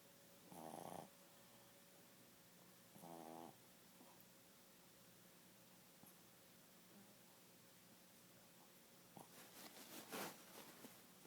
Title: Snoring